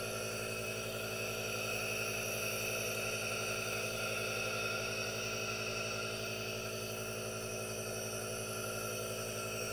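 Steady hiss with a constant low motor hum and buzz, no pauses. A nebulizer running normally.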